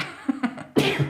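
An adult gives two brief voiced catches, then one sharp, explosive sneeze with a voiced tail.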